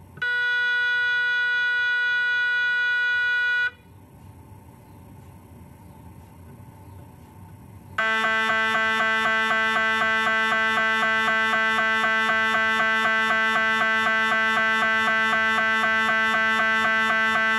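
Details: Adult patient during a scan, first sequence starting: a loud steady electronic tone, a pause, then fast regular buzzing beeps about four per second. MRI scanner noise during imaging.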